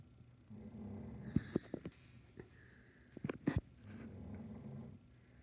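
Low rumbling snore on the in-breath, twice, with soft snorting pops between: snoring.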